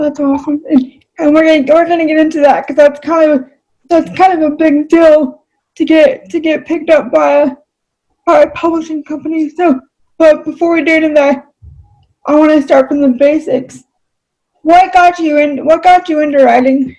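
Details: Adult female with cerebral palsy; she reports voice-recognition software fails to understand her about half the time; dysarthria due to cerebral palsy.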